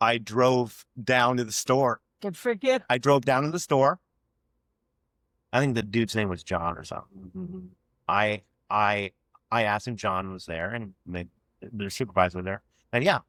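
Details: Adult man who has stuttered since childhood and had years of speech therapy as a child; real, non-acted speech in a conversation showing stuttering.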